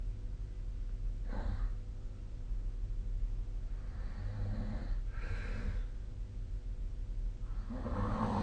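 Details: Light sleep snoring: soft, rasping breaths recurring several times over a steady low background hum.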